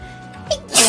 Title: Hololive Sneeze Compilation 13 #shorts